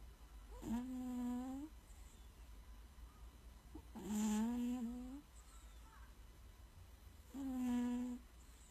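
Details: Three drawn-out, buzzy, humming breaths about every three seconds in a quiet room: a sleeping cat snoring.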